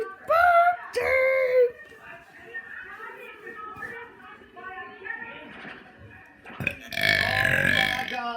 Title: Burping for the fourth or more time